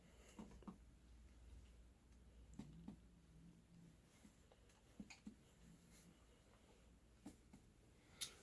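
Paired soft finger taps on the chest, each with a brief low hollow ring, in a quiet room; resonant percussion note throughout with no dullness, a normal lung finding.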